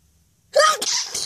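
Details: Loud sneezing fit with flowers, recorded on request: a single loud, forceful sneeze with a sharp explosive burst and a trailing noisy exhale.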